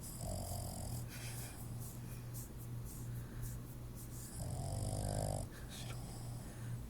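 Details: A dog's low, fluttering snoring with occasional louder snorting breaths over background noise; the dog is called by name just before.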